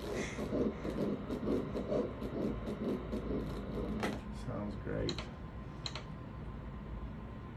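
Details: Early pregnancy at 7 weeks, ultrasound exam: rapid, regular whooshing fetal heart pulses measured at 131 beats per minute; normal fetal heartbeat.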